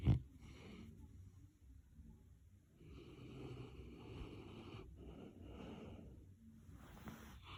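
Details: Sleeping Mastiff, snoring and twitching, owner unsure if normal: low, rough rumbling breaths with snorting during sleep.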